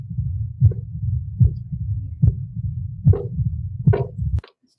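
Regular heartbeat at about 74 a minute, sharp heart sounds with a continuous low rumble between beats: the murmur of mitral stenosis.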